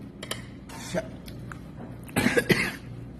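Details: An adult gives a brief cough while eating, with faint clinking of dishes and cutlery nearby; cough.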